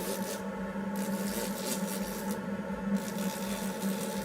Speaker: this will make your pusing go by so much faster and it's going to remove all the Burr marks from the previous Burr and'll help help you see the high spots and low spots will show up a lot easier using the